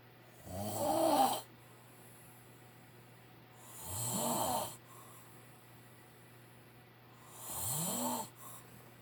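Three loud, rough snores on inhaling, roughly 18 a minute, with quiet pauses between; heavy snoring during sleep.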